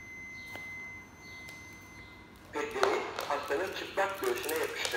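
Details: AED switched on during an infant AED training demonstration, pads placed front of chest and between shoulder blades, speaking a recorded Turkish instruction to plug in the pad connector; AED voice prompts.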